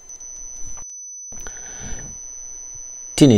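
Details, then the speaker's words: Simulated tonal tinnitus from a tinnitus-matching device (Tinnometer) demonstrated for audiologists: a steady high-pitched pure tone over faint room noise, with brief speech at the end. "tinnitus can be defined noisy high low frequency loud or not I show you or you can hear different type of earring of tinters"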